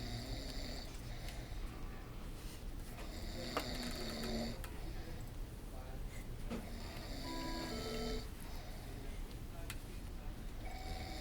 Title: Snoring at the Best